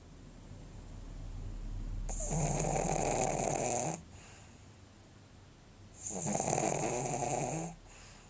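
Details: Extreme brachycephalic dog at rest: loud, rattling snores on each breath from a narrowed upper airway, stertor of brachycephalic obstructive airway syndrome.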